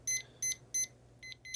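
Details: ZOLL E-Series defibrillator monitor during CPR feedback training, switched to defib mode and display changed with the wave 2 button: three short high electronic beeps, then two softer ones; normal device tones.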